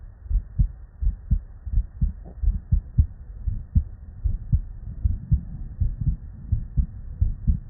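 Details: Real, unedited human heart sounds recorded at the bedside from multiple patients with normal cardiac physiology, looped continuously: normal first and second heart sounds (S1 and S2).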